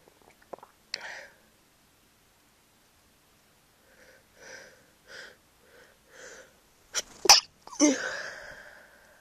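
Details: Person sick with a cold: several sharp, explosive sneezes with a few quieter nasal breaths between them; they feel their sneezes sound different when sick.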